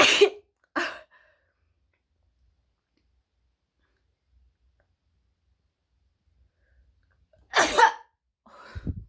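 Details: Three sudden explosive sneezes, two close together and one several seconds later, in a quiet room.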